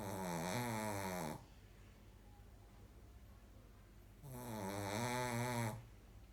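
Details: Sleeping dog snoring: two long, droning snores with rising and falling pitch, separated by a quiet pause of about three seconds, before the dog is woken.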